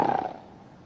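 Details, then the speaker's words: A single harsh, rattling snort that fades quickly, heard as one snore during sleep, in a snoring-spray advertisement. "وسبت التشخير شغال كده عادي جدا هيحصل ايه هياثر على طبله الاذن بعد فتره هيحصل لك ايه"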